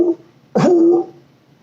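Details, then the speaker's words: Adult imitates a harsh, honking, seal-like barking cough, illustrating the cough of croup, which signals narrowing of the tracheal air passage. "Strider is a seal bark cough which signals and narrowing of the air passage of the trachea and what that basically is is that when the person coughs they're gonna sound like a seal"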